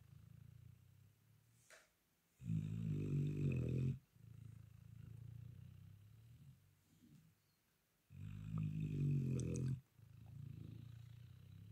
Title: snore baby raptor